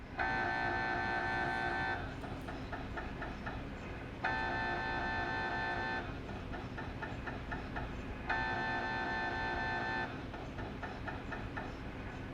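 Loud buzzing tones lasting about two seconds alternate with rapid clicking knocks, repeating in cycles: MRI scanner gradient noise during imaging.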